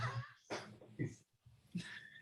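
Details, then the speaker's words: 12-year-old large female Labrador snoring with rough, snorting breath noises repeating every half second or so; snoring. "okay thank you so much for your answer sure cool can you hear my dog snoring"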